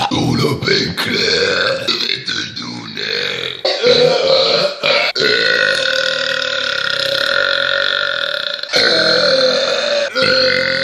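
A run of loud, drawn-out burps from several people, some lasting several seconds, with brief talk between them.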